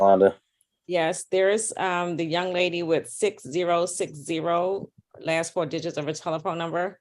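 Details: Adult speaker; normal speech.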